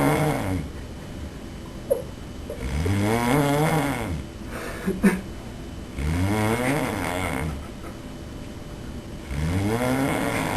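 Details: Person asleep, recorded by a roommate in a quiet room: loud, drawn-out vibrating snores on each breath in, about 19 a minute.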